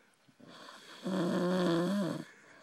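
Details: Person passed out drunk, snoring: one loud, long vibrating snore on an in-breath with a rising buzzing tone; snoring.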